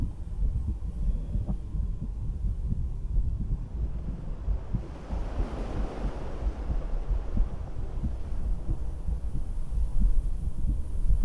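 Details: A woman's own real heartbeat through a stethoscope while she sits on a beach-house porch: soft, muffled low thumps partly masked by wind, waves and rumbling background noise. It is an ordinary heartbeat.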